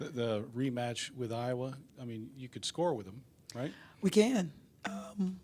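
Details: Adult speaker; ordinary speech.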